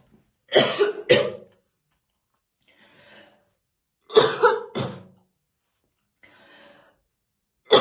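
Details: Woman's real, unacted smoker's morning cough while slowly brushing her hair: two fits of deep, heavy double coughs with quiet rattly breaths between; smoker's cough.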